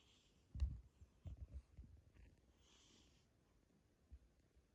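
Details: Cat snoring: soft, low, rough snorting breath sounds in a few short bursts in a quiet room.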